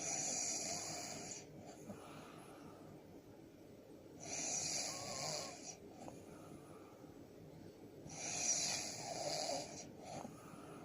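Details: A man snoring: three loud, hissing, high-pitched whistling breaths with quiet gaps, about 15 a minute.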